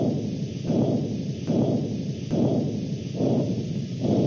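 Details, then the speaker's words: Normal gentle bruit of a patent dialysis loop AV graft, heard on a medical training model: low, soft whooshing pulses about 72 a minute, a gentle hum confirming the access is open and free of obstruction. "Lastly, listening helps us confirm that the axis is patent or open and free of obstruction. The bruit should sound like a gentle hum or whooshing sound, something like this."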